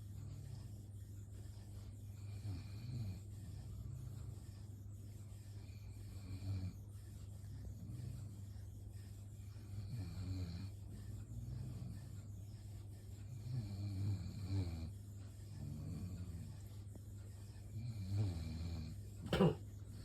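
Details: Dog named Nitro, asleep, snores softly and rhythmically at about one breath every four seconds over a steady low hum.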